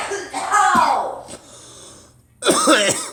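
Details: Two short bursts of voiced coughing separated by a quiet pause, with some nearby voice sounds; an ordinary cough.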